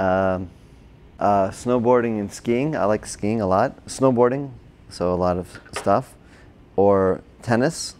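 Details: Broca's (expressive) aphasia in an adult man, a former paramedic, caused by a stroke during heart surgery in 2007, about 10 years earlier; word-finding difficulty; had speech therapy, OT and PT after the stroke.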